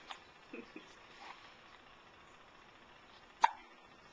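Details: Young infant, 5 weeks and 2 days old, with the hiccups, recorded with a Flip Video camcorder: a single sharp hiccup with fainter sounds and quiet room noise around it.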